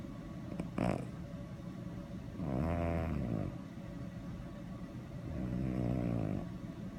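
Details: Sleeping subject snoring while dreaming: low, rumbling, fluttering breaths roughly every three seconds over steady room noise.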